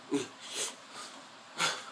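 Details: Person with Tourette's: brief, sharp non-speech vocal noises burst out abruptly without words, consistent with involuntary vocal tics.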